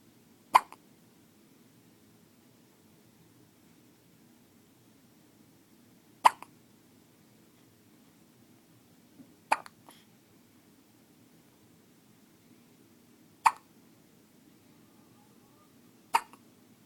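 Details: Newborn baby boy with ordinary infant hiccups: five sharp, brief hiccup sounds spaced irregularly, about 11 a minute, in a quiet room.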